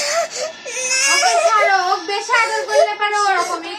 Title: crying